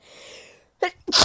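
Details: A soft drawn-in breath, brief pause, then a forceful explosive hissing sneeze, in a person sneezing a lot lately who suspects a new allergy.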